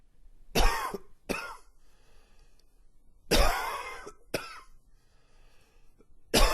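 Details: Coughing fit: five harsh, forceful coughs in clusters with short quiet gaps.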